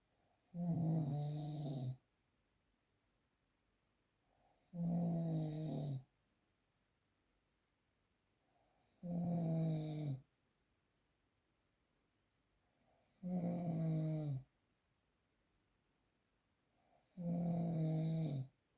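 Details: Five even, buzzing snores about every four seconds, roughly 14 breaths a minute, with silence between; steady, regular snoring from a real, unprocessed recording.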